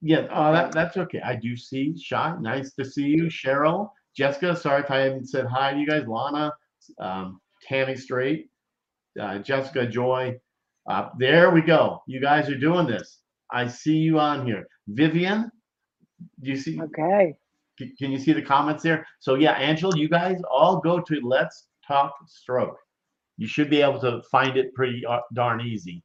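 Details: Adult host speaking; typical speech.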